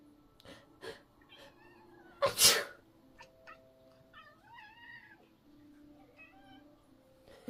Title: Anybody know why my cat does this while I Sneeze lol? #catshorts #catlover #funnycats #funnyshorts